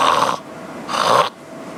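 Two short, rough snorting bursts, an imitation of the obstructed breathing of obstructive sleep apnea.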